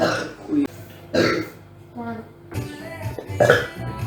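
Several drawn-out, gurgling burps with background music playing.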